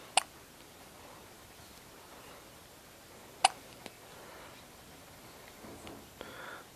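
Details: Two sharp, brief hiccups about three seconds apart in a quiet room, faint click after the second; hiccups.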